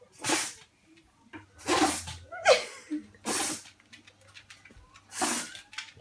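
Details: Female pug with repeated sneezing and snot coming from her nose; owner suspects something in the nose or a hole in the top of her head. Four sharp, explosive sneezes a second or two apart, with snorting between.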